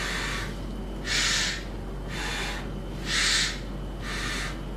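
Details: Bronchial breathing heard on stethoscope chest auscultation during a clinical internal medicine chest examination teaching demonstration.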